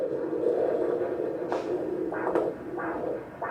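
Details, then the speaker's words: Fetal Doppler at 12-week pregnancy appointment, probe moved over the abdomen searching for the baby: slow whooshing pulses over steady hiss, the mother's own pulse rather than the faster fetal heartbeat (130 found elsewhere). "So that's you, Mom. How do you know the difference between that's her and that's the... Well, I'll hear like the sudden chugga chugga chugga chugga, and the mom's like. And that's Mom."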